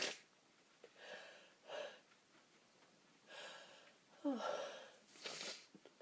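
Several breathy build-ups with sniffing and two or three soft sneezes in a quiet room: repeated ordinary sneezing from a tickling nose.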